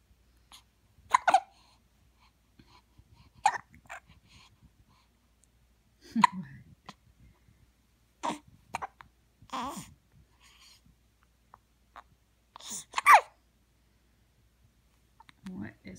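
Brief, sharp little catches repeat every couple of seconds, about seven in all, some with a soft squeak: a newborn's hiccups.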